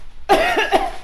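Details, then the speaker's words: Acted, deliberate cough: an adult gives a short, voiced, forced double cough, pretending to be sick and coughing over their mother's food as a prank, not from illness. "i'm basically gonna be acting like i'm coughing all over her food or i guess coughing all over her food just to get her reaction"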